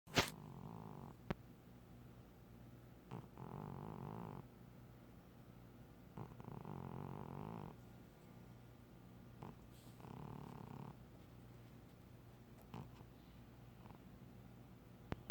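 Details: A female cat snoring like a human: low rumbling sounds on each breath, about one every three seconds, in a quiet room; snoring.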